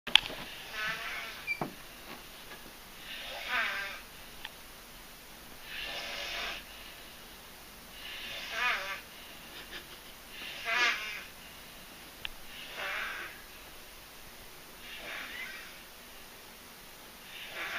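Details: Adult woman (mother) snoring and making noises in her sleep: rough, raspy snores about every two to three seconds in a quiet room.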